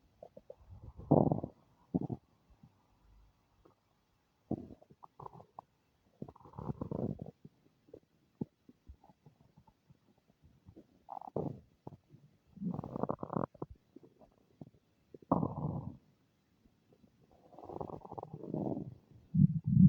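Irregular low gurgling and rumbling bursts with quiet gaps, typical of active bowel sounds (stomach rumbling).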